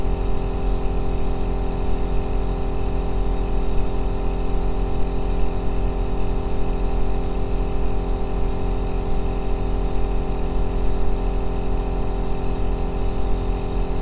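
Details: Unbroken bass-heavy motor drone with a faint spray-like hiss from an aerosol nebulizer compressor operating steadily, recorded as a two-hour relaxation/sleep sound; nebulizer compressor running.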